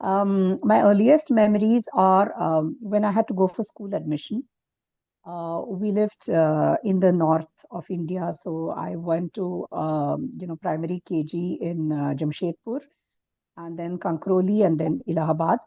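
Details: Stuttering in an adult woman who has stammered since early childhood; it was severe early on and is now cyclical with fluent phases, with blocks and most difficulty on P and T.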